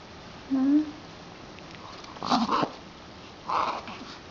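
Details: Pet (female) coughing: two short, harsh, snorting cough-like bursts, with a brief whine or voice earlier; owner asks about grubbing and sneezing.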